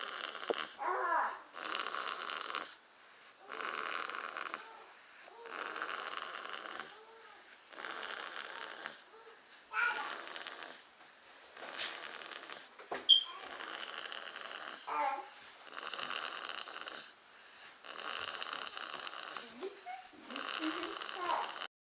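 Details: Two-month-old boy snoring during sleep: loud, rough, rattly noise on each breath in a steady rhythm.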